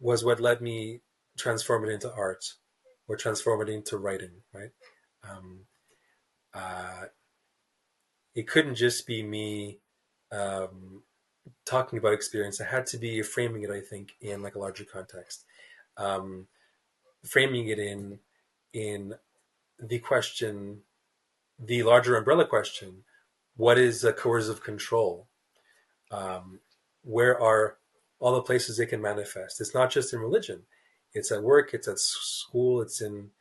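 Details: Stuttering in an adult male writer who describes himself as a person who stutters, speaking in a podcast interview.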